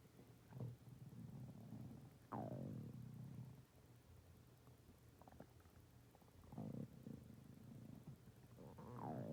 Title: My stomach growling for 17 minutes and 26 seconds